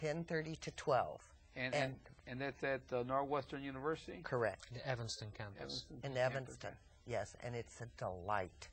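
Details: Aphasia in an adult man after a massive stroke at age 39, 15 years earlier; he reports a hole in his heart. He had eight years of speech therapy, twice a week, until he reached a plateau.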